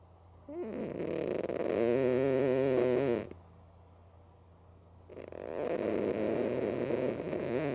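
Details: Female cat Mookie sleeping with both eyes open: loud fluttering rattly snores on each breath with quiet pauses, about 13 breaths per minute; snoring.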